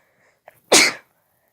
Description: Woke up to a nice little sneezing fit. Not sure what caused it, really...